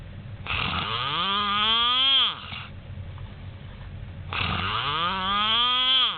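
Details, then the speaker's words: Man who snores loudly all night, even with the light on: two long, loud, buzzing snores with a rising, motor-like pitch, likened to a weed trimmer or chainsaw, about four seconds apart; loud snoring. "We don't know what to name that one yet. We're not sure if that's the weed trimmer or the chainsaw."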